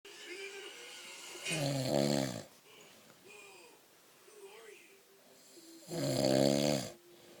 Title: My dad is snoring